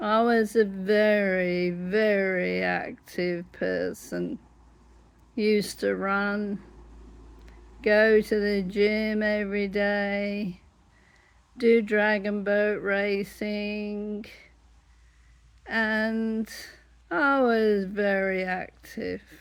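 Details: Adult woman with dystonia affecting her whole body; larynx closes up, sometimes leaving her unable to talk; laryngeal dystonia (spasmodic dysphonia)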